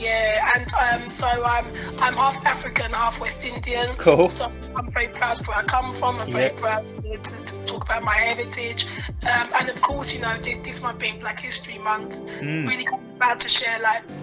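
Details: Adult woman who stammers, real, in a podcast interview; she also reports a vocal cord condition that sometimes stops her producing any sound and considers her stammer not that bad: stuttering.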